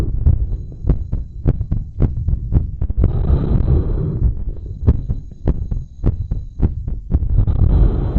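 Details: Adult woman's heartbeat recorded with a microphone held by a belt on the chest after bouncing around and blowing up a balloon: fast, regular lub-dub pairs with bursts of breathing and rubbing noise; normal sounds, raised rate.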